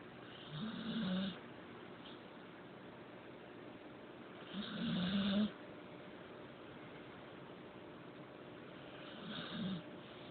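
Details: Three soft, low rattling snores at a slow sleeping breath rate in a quiet room from a spoiled puppy sleeping on pillows and blankets; snoring.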